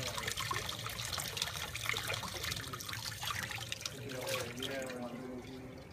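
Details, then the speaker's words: Water gurgling and trickling with suction hiss as an arthroscopic shaver is flushed with suction on while cleaning instruments after arthroscopy. "so the shaver you want to turn the suction on so that that's going to open everything you want to put it right up there let flush everything"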